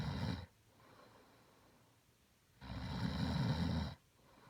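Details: Two loud, rough, rumbling snores on inspiration about two seconds apart, quiet breathing between, from a person who had denied snoring; snoring.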